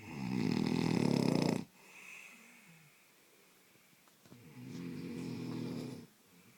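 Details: Loud snoring: two loud, rattling, buzzy snores on the in-breaths, with quiet breathing between them.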